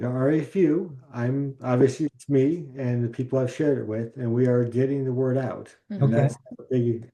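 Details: Adult stroke survivor in an aphasia support group with difficulty expressing himself since the stroke; aphasia after stroke.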